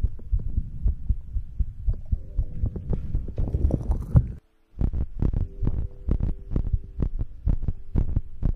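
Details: ASMR recording of own heartbeat and breathing for sleep: deep, muffled, regular heartbeat thumps with a low hum and brief dropout; rate uncertain.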